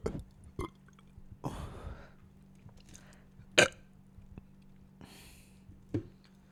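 A few short throaty burps with soft breathy sounds between them: ordinary belching after eating.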